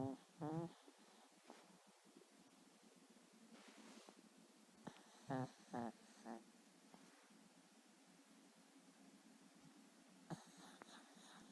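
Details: Sleeping, dreaming dog snorting and snoring: short, irregular nasal snorts and brief grunting snores between quiet breathing.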